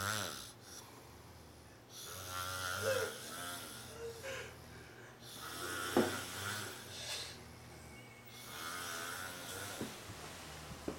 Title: Snoring guy and drunk in wheelchair